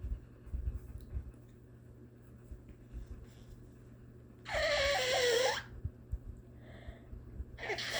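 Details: Adult performer with a long-standing cough, previously attributed to allergies, now worried about possible asthma: one long, harsh cough with a squeaky, voiced edge in a quiet room.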